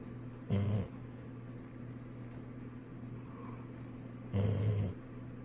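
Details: Golden retriever asleep leaning against its owner, snoring loudly: two loud, low rumbling snores about four seconds apart against steady background hum; snoring.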